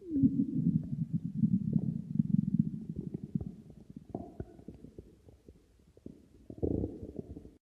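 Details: Low gurgling, rumbling bowel sounds with irregular pops and clicks, fading midway then swelling again near the end: stomach growling (borborygmi).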